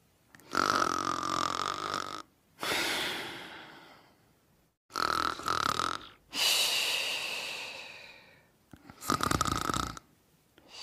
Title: Sleeping & Snoring Part 2